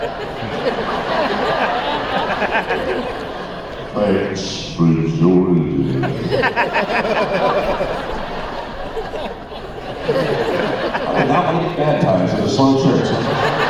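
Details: Speaker with spasmodic dysphonia, an incurable vocal disorder he developed at the height of his career; vocal coaches and doctors did not help, and it progressively worsened until his voice was gone; he says it is audible now; spasmodic dysphonia.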